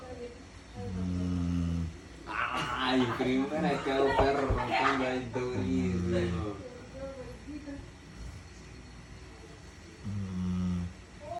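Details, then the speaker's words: Sleeping dog snoring like a person: low, rumbling snores at regular intervals, with human voices and music in the background. "Mi nombre es Mimi y el día hoy quiero que escuchen por primera vez en su vida un perro roncar como una persona o no sé si ya lo hayan escuchado"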